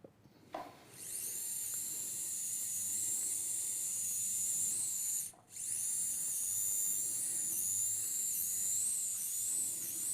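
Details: Steady high-pitched whine with wavering pitch and a brief midway stop: powered burr resecting foraminal bone under endoscopic visual control during full-endoscopic transforaminal spine surgery.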